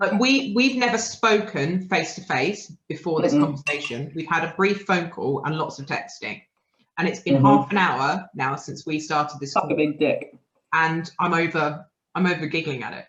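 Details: Involuntary vocal tics with coprolalia, swearing and blurted phrases, in a man with Tourette syndrome who also has a stammer that worsens under stress.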